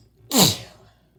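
A single sudden, explosive, wet-sounding sneeze that fades quickly.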